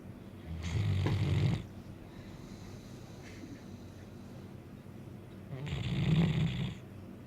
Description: My blue great dane snoring